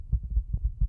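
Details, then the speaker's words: Fetal heartbeat in the second trimester, which can be heard with a stethoscope: rapid, soft, regular low thumps, a normal finding. "Se puede escuchar el latido del corazón con un estetoscopio."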